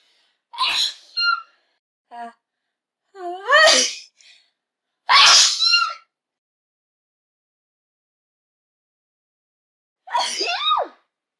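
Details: Sneeze sounds for auditory discrimination training for hearing-impaired and cochlear implant patients: several sharp, forceful sneezes, each with a quick breath in and a loud burst of air.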